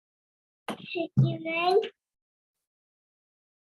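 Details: Child with cleft palate; air escapes through the nose during pressure consonants; nasal air emission.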